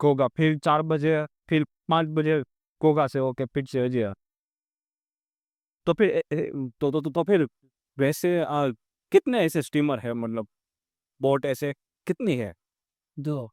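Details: Real stammering (stuttering) in a male vlogger on day 27 of his stammering-control journey, using pausing and pacing techniques while speaking live on a ferry; a background-noise-removal filter altered his voice.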